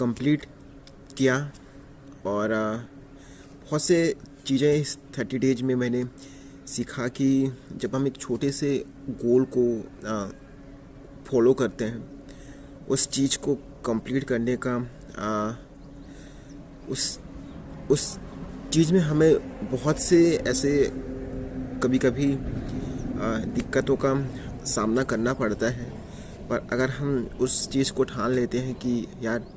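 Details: Adult male who has stammered for years and still has blocks on some words; stuttering.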